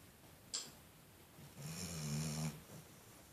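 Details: Black labrador dog: brief sniff, then one loud, rumbling snore on a breath in lasting about a second; snoring in sleep.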